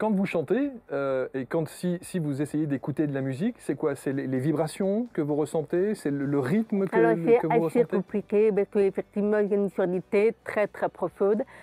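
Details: Adult speakers in conversation, French; ordinary speech.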